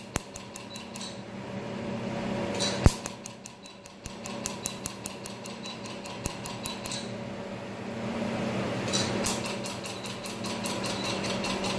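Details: Q-switched laser tattoo removal on a patient at a skin clinic; the patient says it is not painful: sharp snapping laser pulses in uneven runs over a fan hum.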